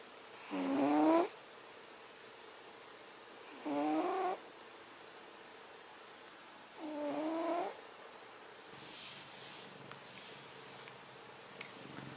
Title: Cat snoring while he sleeps